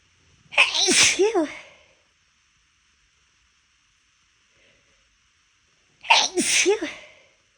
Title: (failed) chhinkni holdback sneezes